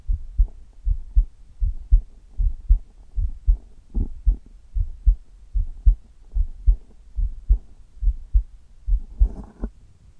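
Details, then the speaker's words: Steady, regular paired low thumps at about 76 beats a minute: an adult's normal heartbeat recorded over the chest. "今日は胸を中心とした心音を皆さんにお届けしたいと思います。"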